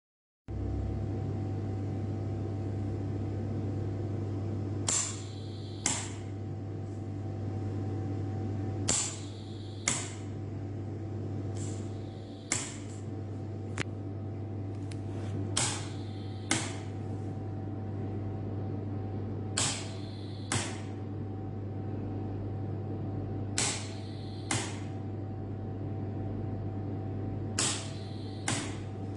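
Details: A medical ventilator runs with a steady machine hum and paired valve clicks about every four seconds as it cycles.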